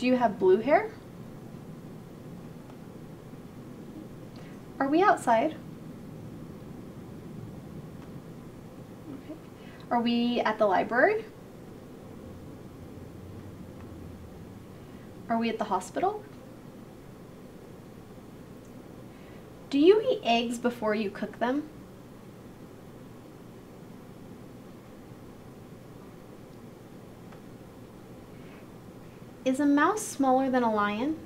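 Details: Adult female speaker (clinician); normal speech.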